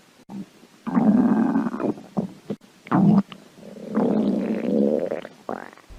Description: I know it's been a while since you've listened to my beautiful growly tummy!